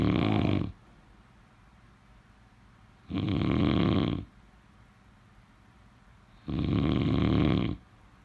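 Regular loud, rough snores, each about a second long, recurring about 18 times a minute during sleep.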